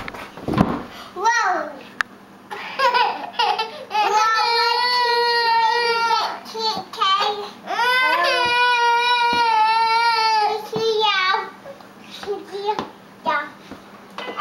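Sustained, wavering, high-pitched crying wails in bursts separated by short breaths, with whimpering between them; a young child fussing and crying.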